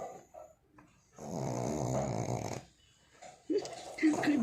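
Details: One rough, vibrating breath lasting about a second and a half, then softer noises; a single snore.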